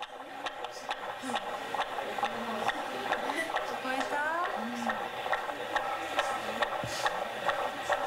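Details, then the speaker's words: Fetal heartbeat by Doppler from a pregnant teacher's baby, played for students by a midwife in a school sex-education class: rapid, regular pulsing, about 136 beats per minute, normal rate. "じゃあ心臓の音を聞きます。助産師でもある中村さんが先生の赤ちゃんの心音を生徒たちに聞かせます"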